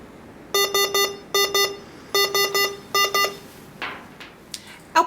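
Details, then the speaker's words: Veterinary syringe pump (Hawkmed HK 400III) occlusion alarm, deliberately triggered by clamping the line: repeating groups of loud high electronic beeps; infusion automatically stops, LED flashes and screen displays occlusion. "pump has detected the occlusion and the LED light has started flashing to a lot to alert us to this the infusion has automatically stopped and it's displaying occlusion at the top of our screen here"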